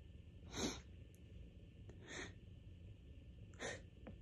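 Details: Allergic sneezing right before bed, during a week of bad allergies: three soft itchy sneezes over about four seconds, each preceded by a brief gasping build-up, over steady room hum.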